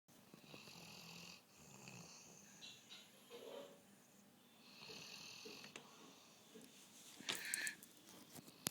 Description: My Dog Bruno Snoring, This was just a spare of the catch on video moment and yes i did wake him up sorry Bruno.